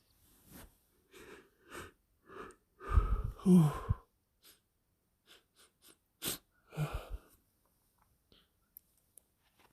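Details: Wet sneezing fit induced by sniffing chhinkni (sneezing powder): a rapid run of moist, sputtering, somewhat forceful sneezes with short sniffs between them.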